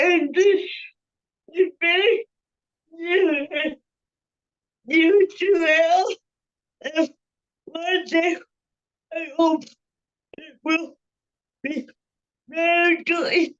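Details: Panelist with cerebral palsy whose speech is revoiced by another speaker; dysarthria (cerebral palsy).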